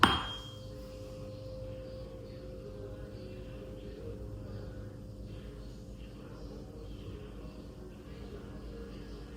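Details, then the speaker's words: Rinne test during an upper-body physical exam: struck tuning fork rings with a steady pure tone, each ear tested separately; bone conduction not heard longer, normal finding, no conductive hearing loss. "I am going to make a noise and I'm going to test each ear separately. I want you to tell me when you stop hearing this noise."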